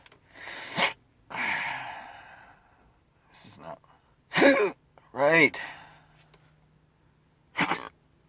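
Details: Adult with a rare, chronic, disabling hiccup condition persisting since December 2015 despite many treatments and surgeries: hiccups recorded September 24, 2019.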